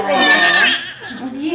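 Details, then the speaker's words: Newborn baby boy, IVF pregnancy, moments after a vaginal delivery: a brief, high, wavering cry fading into a softer whimper; the newborn's first cries. "Start some crying. There. There he goes."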